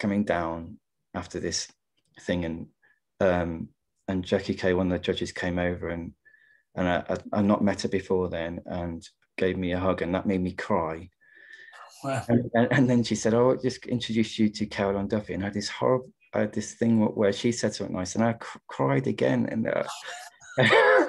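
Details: Adult man who stammers, real, in a stammering-association webinar; he attributes his stuttering partly to caring too much about what he was going to say: stammering.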